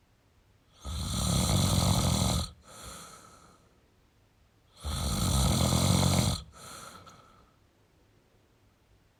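Loud, rough snores on each in-breath, with quieter out-breaths between, about 15 breaths a minute: heavy adult snoring.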